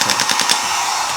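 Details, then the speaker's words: Radial shockwave therapy device on a climber and woodworker with forearm and hand pain, applied with ultrasound gel to a tender area of the palm: loud, rapid mechanical rattling pulses from the pneumatic piston. "So it's going to be loud because there's actually a lot of, kind of noise being made by the machine to make that pneumatic piston move."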